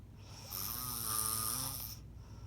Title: When my ex record me snoring #snorenomore #sleep #fyp #jajaja